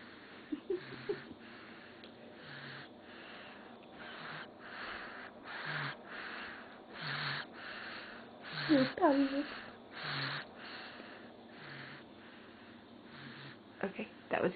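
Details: Infant snoring during sleep: soft, regular noisy breaths with a rough, rattling quality over quiet room noise.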